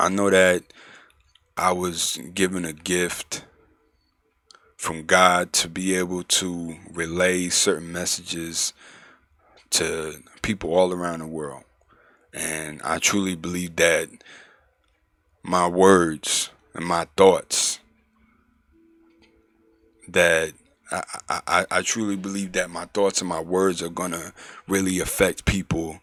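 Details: Male adult who stuttered severely in middle and high school, now mostly outgrown, still slightly audible and worse when nervous, says he can control it; stuttering (mild).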